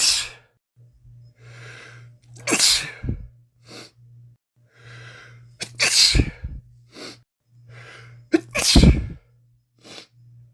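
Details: Male with a common cold giving three forceful sneezes in a row, each preceded by short sniffing breaths, over a steady low hum.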